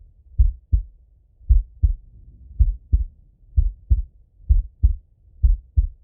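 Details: Normal heart sounds, adult male self-auscultation with stethoscope while falling asleep: steady paired heart sounds at about 60 beats a minute, slow resting rhythm.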